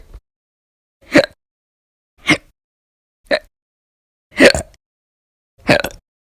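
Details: Five short, sharp throat catches about one second apart with silence between them; repeated hiccups.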